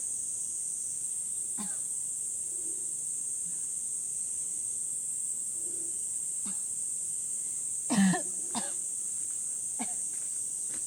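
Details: Cough in a woman whose body was weakened by a cough: about five short, harsh coughs, the loudest in a quick pair, over a steady high-pitched background hiss.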